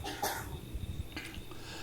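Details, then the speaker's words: Repeated coughing from an apartment upstairs, heard through the ceiling; the recorder says it sounds looped like a recording and is unsure of its source. "now that coughing sound you hear is from one of the the apartments above me um they're always coughing up there sounds like a recording to me"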